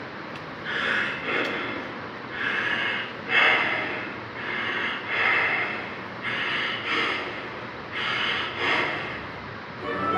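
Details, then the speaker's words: Kussmaul breathing: deep, loud, noisy breaths in a steady cycle of long inhalations and exhalations with little pause, longer waves than tachypnea; acidotic patients compensating by lowering blood carbon dioxide, suggesting metabolic acidosis. "Es similar a la taquipnea, pero difiere porque tiene ondas más largas y tiene sentido porque están en estado acidótico este tipo de pacientes, y lo que están buscando es compensar la acidez al disminuir la concentración de dióxido de carbono en sangre, y así es como se escucharía."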